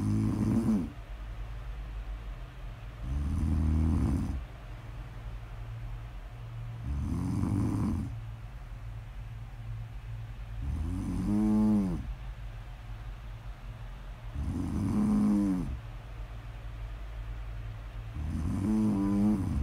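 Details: Snoring audio: soft, regular snores about 16 a minute, some with a fluttering rattle, over low background hum.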